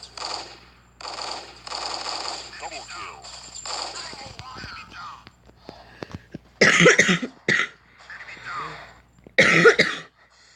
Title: 스솔 공방전!기침 죄송...